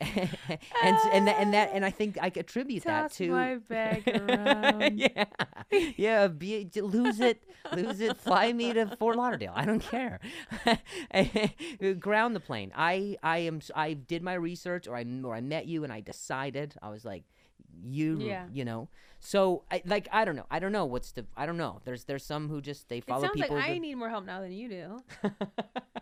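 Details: Adult comedian podcast host who stutters; stuttering.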